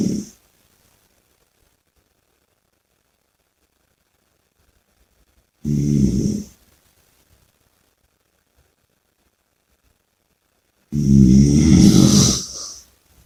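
Three loud, rough, rattling noises about five seconds apart, separated by silence. Heard as snoring with heavy breathing.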